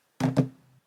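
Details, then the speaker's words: Girl with Tourette syndrome demonstrating a sudden table-pounding motor tic: two solid, huge, heavy table pounds. "I was sitting at the table with my family and some semi-strangers and all of a sudden there is a speech going on and my Tourette's without a monetary urge pounds on the table like that"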